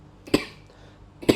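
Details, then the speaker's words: Adult with COVID-19, infected two days earlier (second infection), voice affected: two brief, sharp coughs about a second apart in a quiet room. "Jadi ini disclaimer dulu ya, jadi nanti ada batuk-batuk karena memang aku lagi covid, baru 2 hari yang lalu kena gitu."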